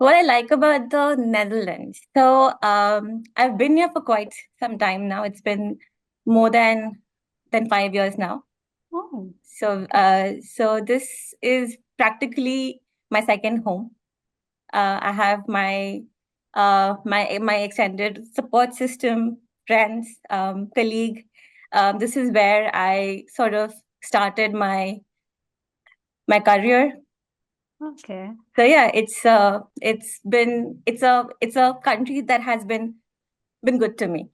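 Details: Stammering in an adult woman, real speech.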